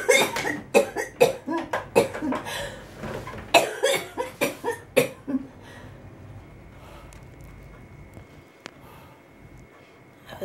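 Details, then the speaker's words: A run of about a dozen harsh, repeated coughs over five seconds from a cystic fibrosis inpatient in hospital after nebulizers and a night of much coughing, trying to control it after eating; cough in cystic fibrosis. "able to eat a little bit of cereal this morning so I'm really trying to like control my cough so I don't lose it"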